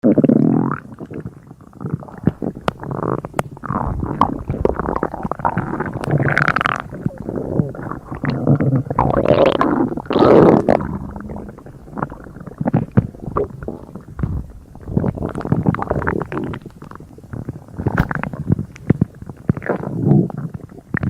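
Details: Continuous low gurgling and bubbling from the abdomen: active bowel sounds, ordinary stomach rumbling.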